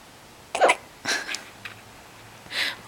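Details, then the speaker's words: Infant's first hiccups: brief, abrupt catching sounds repeating about once a second. "hiccups. Poor"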